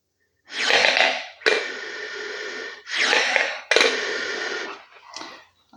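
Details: A physiotherapist imitates a misuse he saw online of a ball-type incentive breathing exerciser (Respiron) at level zero: several loud, harsh, rushing breaths with airy hissing drawn through the device.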